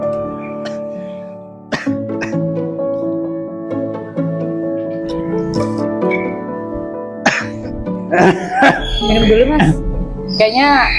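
Several sharp, harsh cough bursts from an adult man, acted, over steady background music.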